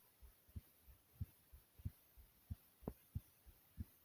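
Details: Person's own heartbeat recorded over 3 minutes, thumping hard: regular, strong, low pounding thumps at about 92 beats per minute.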